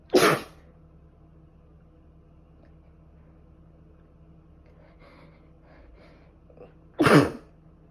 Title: I've been sneezing all day..🤧🤧 #sneez